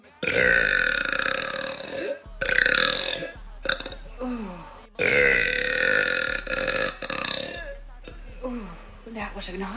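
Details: Woman deliberately burping after quickly drinking soda: two long, loud, voiced belches, each followed by brief talk and laughter.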